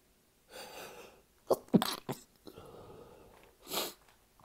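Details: Sneezing: short run of several sharp sneezes with quick breaths between them, a small sneezing fit.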